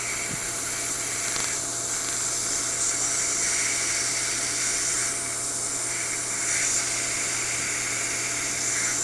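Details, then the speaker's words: Rapid high-pitched crackling pulses over steady hiss and water spray: Erbium YAG dental hard-tissue laser fired in 30-second rounds through an e.max lithium disilicate veneer on the left central incisor to remove it; erbium laser pulsing. "go ahead and let simply for the water the late laser energy goes through the glass I have this timer set on 30 seconds so we'll do two or three rounds of 30 seconds"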